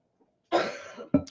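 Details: Adult coughing in the background during a live talk session: one longer, rough cough burst, then a short second cough in a quiet room.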